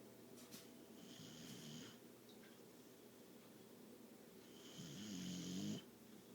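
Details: Two rough, rattling snores from a dog sleeping on its owner's lap, separated by quiet breathing, over faint room noise; snoring during sleep.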